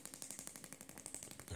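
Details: Rapid, regular sharp clicking pulses, about twelve a second, from a Shockmaster 300 Gymna radial shockwave device (1.6 bar, 12 Hz, 20 mm head, gel) treating grade 2 cellulite on the back of the thigh in a radiator pattern.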